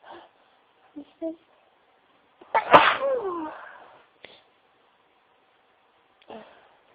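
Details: Single forceful sneeze after a quick intake of breath, with brief sniffs and tissue rustling around it; sneezing.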